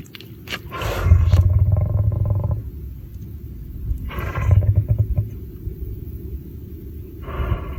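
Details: Lion: deep, forceful nasal blasts, a few explosive bursts with low rumbling between them; sneezing.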